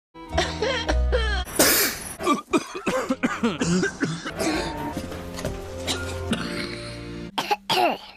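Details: Simulated cartoon coughs: several harsh coughs and throat-clearing sounds over background music from a cartoon character with a cold.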